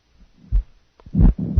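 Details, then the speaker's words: Pericardial friction rub at a rate of 60 with both systolic and diastolic components, heart sound teaching recording; rough, scratchy low sounds in systole and diastole. "listen now to a pericardial friction rub at the rate of 60 with both systolic and diastolic sounds"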